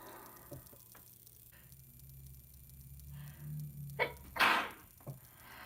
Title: Super messy sick sneezes